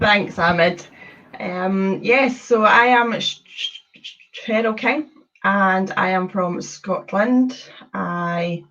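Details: Woman from Scotland who describes having had a speech condition, appearing in a series on people who stutter; stuttering.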